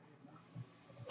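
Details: Speaker's own real mechanical ventilator during podcast recording: a steady airy hiss with a soft low whoosh of delivered breath between spoken phrases; mechanical ventilator breathing noise.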